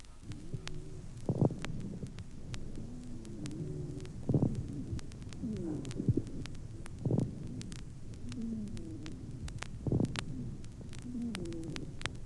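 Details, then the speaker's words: Mixed crackles and wheezes on a chest recording: moist, sonorous medium and coarse bubbling crackles on inspiration, and dry wheezes of varied timbre on expiration. "прослушайте соответствующую запись на вдохе определяются влажные звонкие средние и крупнопузырчатые хрипы А на выдохе сухие хрипы разного тембра"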